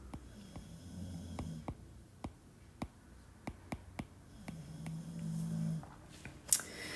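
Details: Snoring from a dog sleeping in the background: two slow, low rumbling snores with sharp tapping clicks and faint room noise.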